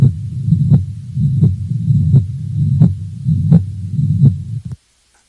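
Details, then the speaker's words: Holosystolic mitral regurgitation murmur heard at the cardiac apex (fifth intercostal space, midclavicular line): regular heartbeat near 85/min with a steady, constant-intensity murmur filling systole. "I'll play you example of this murmur now it's a holosystolic murmur sometimes called a panic murmur you'll notice that the intensity of the murmur is constant throughout syy"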